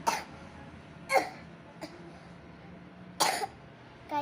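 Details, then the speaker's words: About four short, dry, forced coughs at irregular intervals from a kindergarten-age child deliberately putting on a fake cough while showing how to tell a real cough from a fake one. "Oh kalau yang pura-pura kayak gitu hahaha aku bisa Aa gitu loh berarti itu berarti kalau itu bohongan batunya"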